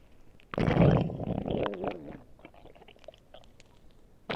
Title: my stomach growling